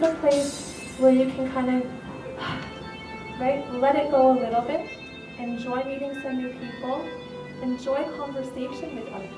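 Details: Adult woman speaking; no disorder.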